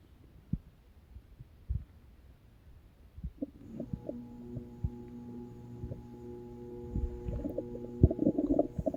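Low gurgling and droning rumbles with scattered pops over quiet noise, typical of stomach growling, a normal digestive sound.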